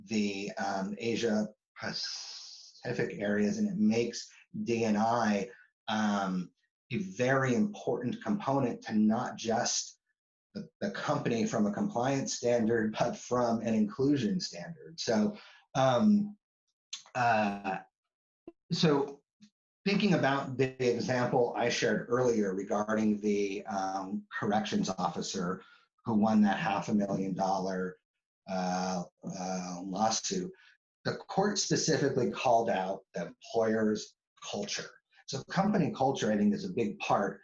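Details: Adult man who stutters, with word repetitions; stuttering.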